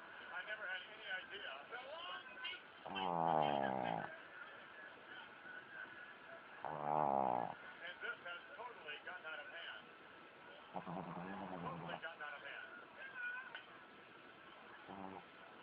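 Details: Snoring: three loud rumbling snores at irregular intervals, then a softer fourth, over steady background noise and faint chatter.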